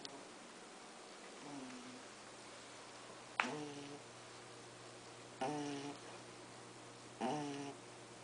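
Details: Pug puppy lying on her back, sound asleep and snoring loudly: short nasal snoring snorts roughly every two seconds over a steady room hiss.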